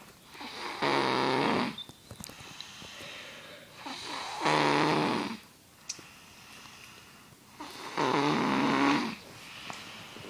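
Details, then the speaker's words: Little brother snoring loudly while asleep: buzzing snores on each in-breath, roughly 17 a minute, with quiet pauses between in a small room; snoring. "brother's sleeping and I'm gonna record him snoring."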